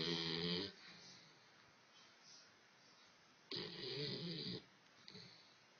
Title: Hurley Snoring